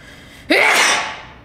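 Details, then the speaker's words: Single sudden, explosive sneeze with sharp onset and fading breathy tail; the person says they always sneeze twice. "fun fact about me is that whenever I sneeze I have to sneeze twice so before you say bless you just wait"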